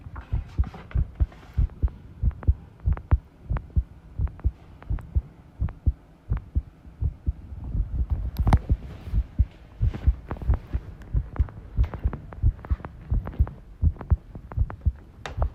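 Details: Heart sounds recorded while the person tidies a room, ASMR, stated to include arrhythmia; low thudding beats near 90 a minute with uneven spacing, some rattling room noise. Heart sounds with arrhythmia.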